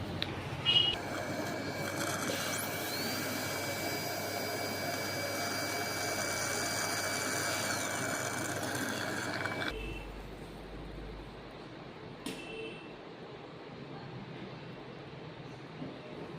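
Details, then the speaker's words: Steady high-pitched dental drill whine that then stops, during access opening of a worn-down tooth to drain a pus abscess through the tooth rather than from outside; facial swelling since last night, similar episode 20 days earlier settled with medicine. "तो अभी हम लोग क्या करेंगे, पस जो है बाहर से नहीं निकाल के दांत के रास्ते से ही पस को निकालेंगे, वो दिखाएंगे कि कैसे होता है।"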